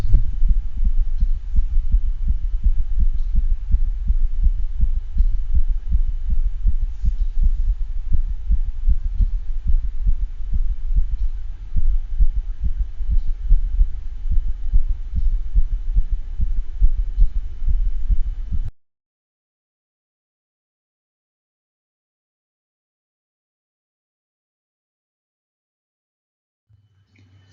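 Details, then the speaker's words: Same dog with a heart murmur: regular rhythm at first, then a brief hiccup from a couple of premature depolarizations; arrhythmia. "let's listen to this same dog this time with some arrhythmia caught on the recording listen for the regular rhythm at the beginning and then there'll be just a little bit of a hiccup as a result of a couple of premature depolarizations"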